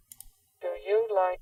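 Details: Simulated cochlear implant sound: a robotic-sounding voice repeating "Do you like camping?", adjusted in pitch and static to match what an implant patient hears.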